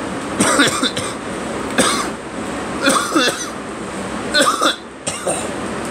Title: Me coughing and girl